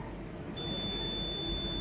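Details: CO2 fractional laser facial treatment in scan mode for wrinkles and scars on a woman: a low room hum, then a steady high-pitched electronic tone as the laser fires.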